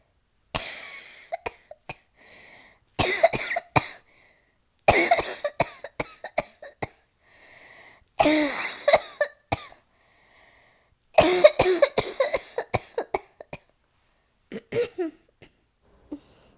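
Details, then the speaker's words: Bursts of short, muffled, closed-mouth coughs with sharp clicks between them, an acted imitation of a suppressed cough by a woman who has a cold. "so you see unlike my girlfriend COV cough which she keeps it suppressed like this not my style"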